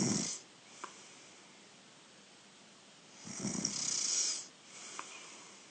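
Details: Younger brother asleep and snoring: two hissy, airy, mostly high-pitched snoring breaths about three seconds apart, with little low rumble, over quiet room hiss.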